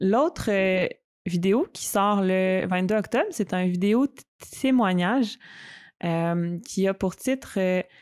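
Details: Stuttering in an adult woman who stutters, speaking conversationally in French.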